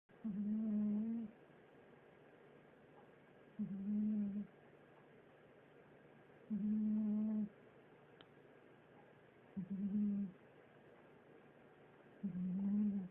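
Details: Cartoon cat snoring: steady, low, droning snore repeating about every three seconds with quiet pauses between: snoring.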